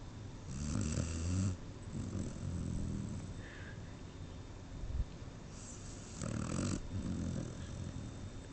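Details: Snoring: low rumbling, rattly snores in two main bouts with quieter breathing between them, sounding like a sleeping dog.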